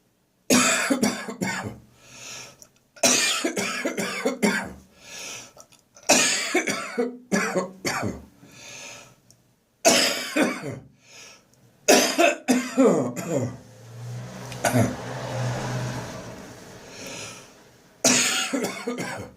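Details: Adult whose cough returned after seeming to clear, recorded on the morning of St Andrew's Day: repeated harsh coughing fits in clusters with retching, gagging and strained breaths between bouts. Cough with gagging.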